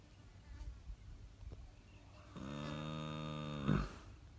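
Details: Snoring while asleep on Mum's lap, said to snore worse than Dad: one long, buzzing, droning snore about a second long, ending in a short snort over quiet room noise.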